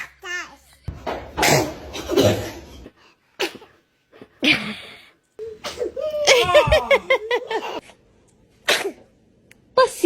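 Several short, sharp sneeze bursts from children, mixed with giggling and laughter between them.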